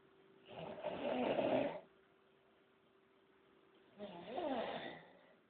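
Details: Sleeping person snoring heavily: two loud, rough snoring breaths about two seconds apart with a quiet pause between them; ordinary snoring.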